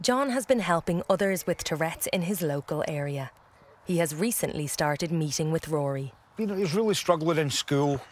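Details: Adult narrator; normal fluent speech.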